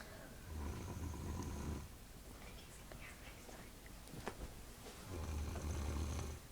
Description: My aunt snoring in bed after my confermation